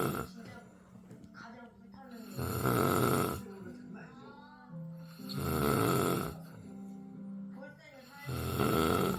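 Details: Loud, rough snoring from the cat's owner, about every three seconds (roughly 20 a minute), with quieter breathing between snores and faint background music, while the cats sleep through it.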